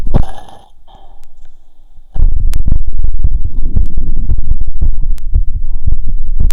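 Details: Stethoscope auscultation after a 2 km run at the pulmonic, aortic, Erb's point, Botkin and stomach sites: quick, forceful low heart thumps with rubbing noise; a normal faster heartbeat after exercise.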